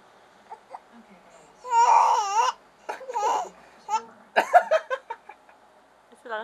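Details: Short bursts of infant crying with wavering pitch, separated by pauses with small catches (hiccups) in a quiet room; infant cry.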